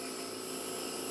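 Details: Tracheostomy mist compressor running, gauge set at 40 with distilled water in the nebulizer bottle, oxygen at 4 when used, delivering humidifying mist to a trach patient.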